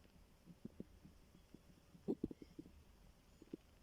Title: My stomach growling 😂